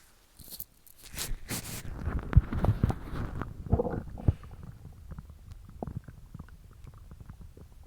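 Irregular gurgling and rumbling bowel noises, strongest early then fading; ordinary stomach growling.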